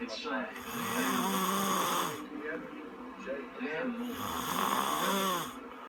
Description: Worst snoring ever lol.